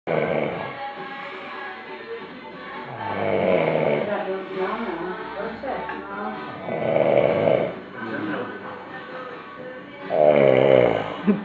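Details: Slow, irregular rumbling snores, about 18 a minute, from a sleeping man, with a faint television in the background; snoring.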